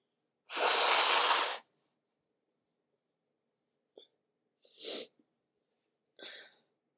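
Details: Sniffly person on waking in cooler weather, not sick, with natural and tissue-induced sneezes: one loud, long, hissing sneeze followed by quieter short sniffs and breaths.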